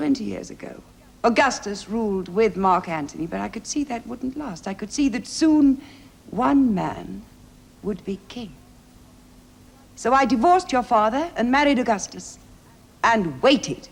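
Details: Adult woman, dramatic dialogue; normal speech.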